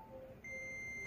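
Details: Terumo TE-332 syringe pump: short electronic tones, then a steady high-pitched beep as the pump powers on; normal start-up signal.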